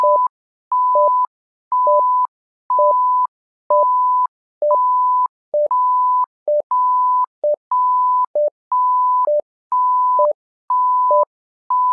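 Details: Simulated patient monitor app (SimMon): steady two-pitch electronic beeps, a long higher tone then a short lower one, repeating about once a second, simulated alarm tones.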